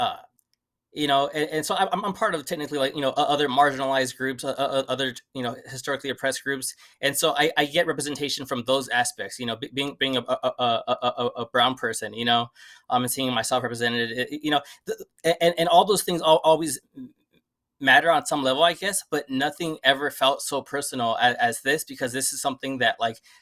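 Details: Adult who stutters and had never really addressed the stutter before; repetitions and filler interjections; stuttering.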